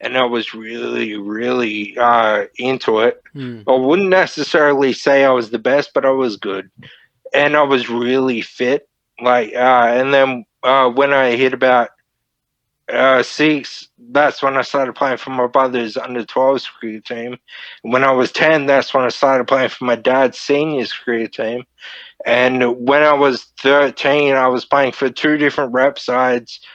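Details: Man, 31, with Friedreich's ataxia diagnosed at 14, a neurodegenerative disorder; wheelchair user since about 23; he reports slurred speech and word-finding struggles as part of the disorder; finding: dysarthria (Friedreich's ataxia).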